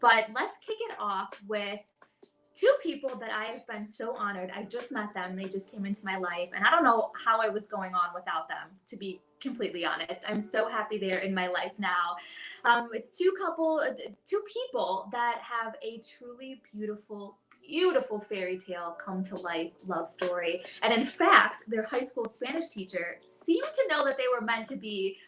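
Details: Adult woman speaking; Normal speech.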